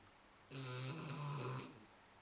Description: Our 3 month old Shar Pei snoring while she snoozes on the sofa with our daughter